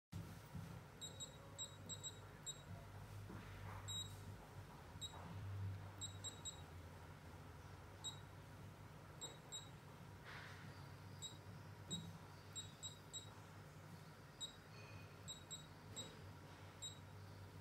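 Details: Lipo laser body-contouring machine running: high, brief electronic beeps repeating in short clusters over a low hum.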